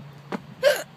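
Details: An unusually loud, odd-sounding hiccup during a bout lasting over 10 minutes, with a short catch then an abrupt, high, squeaky voiced hiccup.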